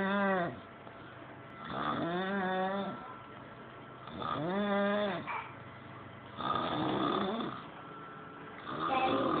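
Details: Loud, rattling, tonal snores recur with each breath, about 26 a minute, with quieter pauses between, in a quiet room after a long night out: snoring.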